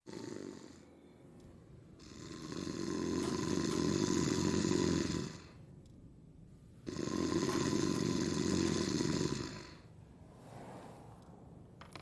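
Loud, long, rasping snores on two drawn-out breaths, from a television advert.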